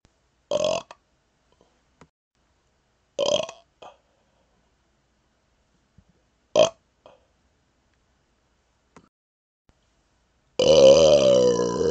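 Three short, loud belches separated by silence, ending with a longer drawn-out belch, typical of voluntary burping.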